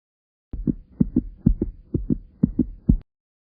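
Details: Regular paired low lub-dub thumps, about 70 a minute: a heartbeat sound effect in a spiritual-message clip, not a real recording.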